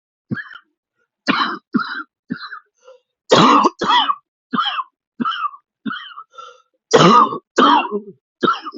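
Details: Person wheezing who could not use their inhaler properly: a rapid run of about fourteen short, harsh coughs barely pausing, cough wouldn't stop; persistent cough.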